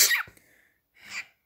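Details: A pet parrot, Pikachu, imitates a human sneeze: a short hissy sneeze-like burst, then a second breathy puff; he has mimicked sneezes and coughs since 6 months old.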